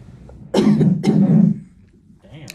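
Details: Adult in hospital on the day of labor admission, after a COVID nasal swab: two loud, low-pitched cough bursts in quick succession with quiet room noise around them.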